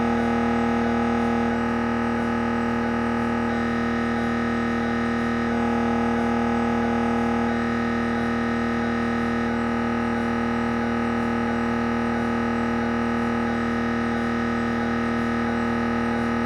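Steady loud droning buzz with rapid repetitive knocking and hum from an MRI scanner running a head scan; normal machine noise.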